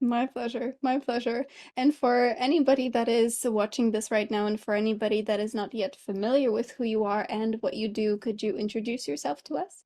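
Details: Adult speaker; normal speech.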